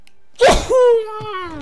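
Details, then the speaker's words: Single sneeze from an adult during gameplay recording: a sharp, explosive burst of air followed by a drawn-out voiced sound falling in pitch. "« Il a complètement défoncé la porte et je vais éternuer."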